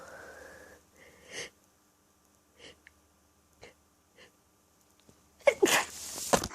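Quiet breathy catches and several small stifled sneezes, then a run of louder sneezes. This is a sneezing fit during an allergy attack.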